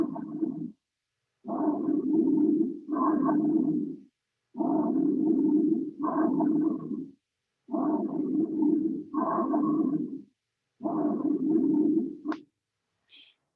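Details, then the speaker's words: Stethoscope auscultation over the trachea, about 20 breaths a minute: loud, harsh, hollow, deep breath sounds, normal bronchial breathing, in a respiratory physiology class. "este sonido es el sonido bronquial es producido por el paso del aire a través de la tráquea como pudieron escuchar es un sonido profundo fuerte en el que la inspiración resulta más larga que la inspiración"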